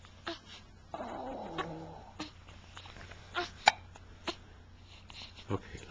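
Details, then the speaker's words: A baby with hiccups; recorded in 2009 on a Flip Video camcorder. Several brief, sharp, irregular hiccup catches over room noise and faint background voices. "okay let's hear let's hear a hiccup for Grandpa"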